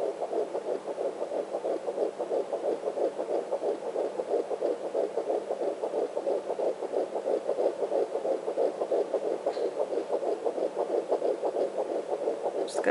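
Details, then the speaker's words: Fetal heartbeat on a home Sonotech Pro fetal Doppler, found near the placenta: fast, regular galloping whoosh at roughly 170–180 a minute, typically in the 170s. "There we go. Say he's usually in the 170s. So you can hear it's fast. Very distinct sound."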